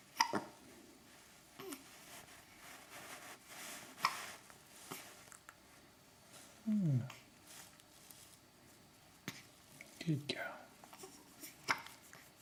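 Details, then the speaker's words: Baby girl, feeding on her mother's milk and prone to hiccups before birth: soft, irregular short jerky catches in breathing with a few small whimpers in a quiet room; hiccups. "You got the hiccups? Have you? So your mum's milk this day now. So, you used to get the hiccups a lot when you were inside."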